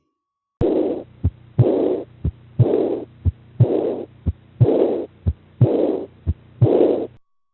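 Regular heartbeat near 59 a minute, each beat followed by a long, soft blowing sound filling the gap before the next beat: an aortic regurgitation murmur.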